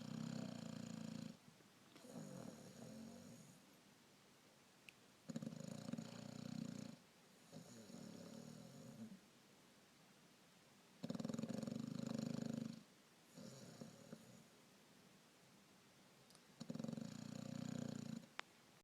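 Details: Snoring while asleep lying on someone: regular buzzing snores, a longer rattling one on each breath in and a softer one on breath out, about four breaths a minute.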